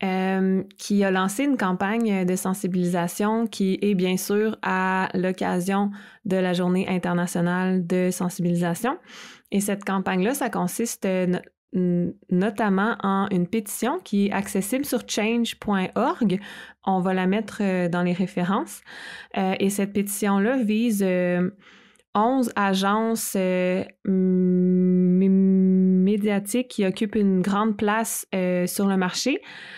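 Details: Adult woman speaking French; normal speech.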